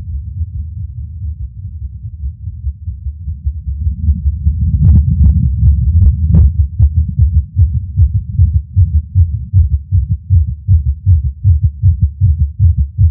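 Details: Irregular skipping heartbeat in a person who reports passing out near the end of the recording: fast beats over a heavy low rumble, with uneven spacing suggesting skipped beats.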